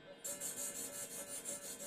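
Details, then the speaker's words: Phacoemulsification handpiece on a fully connected machine at a veterinary ophthalmology training course, running aspiration plus ultrasound with linear vacuum: hissing, rasping pulses about five per second with a faint steady tone. "Аспирация с ультразвуком… Только аспирация… Плюс"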